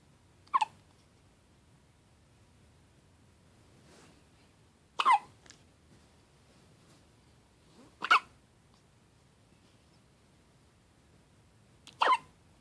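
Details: Four short, sharp hiccup sounds at irregular intervals over about twelve seconds, with quiet in between; hiccups.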